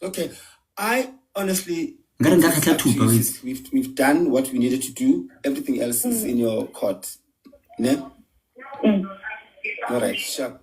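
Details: Adult male speaker; normal speech.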